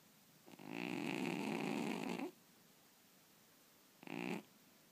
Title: Funny cat snoring while dreaming